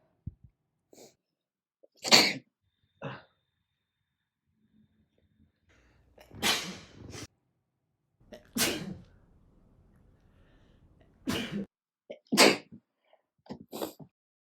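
A run of sharp, explosive sneezes, about seven in fifteen seconds, some with a brief catch of breath before them, as with a cold.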